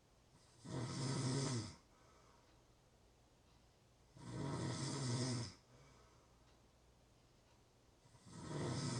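Harsh, rattling snores on each inward breath, about sixteen a minute, with quiet gaps between; ordinary snoring.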